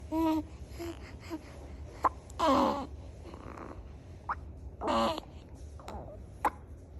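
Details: Infant with hiccups: short, abrupt voiced catches every couple of seconds among soft babbling and room noise.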